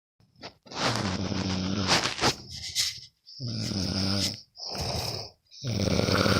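Loud, rough, rattling noises on each breath in, separated by short pauses, from a sleeping adult; ordinary snoring.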